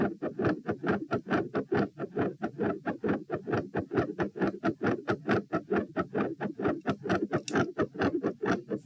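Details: Heart sounds recorded at position P while standing, at 132 bpm, reproducing feeling unwell and like dropping after 5–10 minutes standing; rapid regular crowded, blurred beats, changing patterns, silent halfway then increasingly louder; tachycardia with third heart sound, fixed split S2 and murmur.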